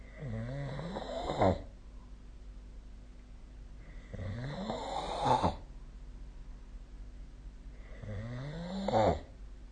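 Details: Sleep snoring, possibly recorded with the SnoreLab snoring app: three regular low rattling snores, each rising into a louder burst at its end, about 16 breaths a minute.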